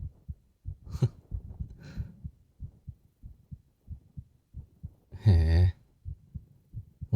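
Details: Man's heartbeat heard by his girlfriend lying against his chest, binaural 3Dio recording, left channel, ASMR voice drama: steady, soft low heart thumps in a regular rhythm, with a brief hum and faint breathing; heart said to be fast.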